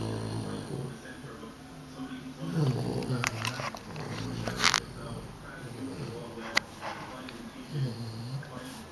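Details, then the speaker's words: Nine-week-old Dogue de Bordeaux puppy asleep and tired out from play: loud, rough, low rumbling snores with some room noise; ordinary snoring. "Hey, Boots! Hey, Boots! You snoring? Lazy dog. Back to sleep."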